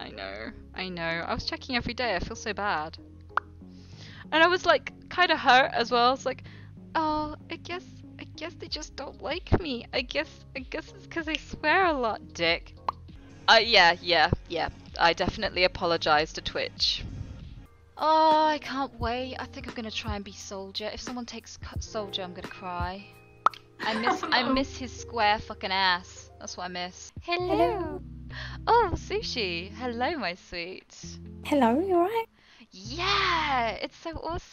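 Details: Live-streaming woman who says she has Tourette syndrome, noting she can suppress tics briefly: involuntary vocal tics including swearing and phrases.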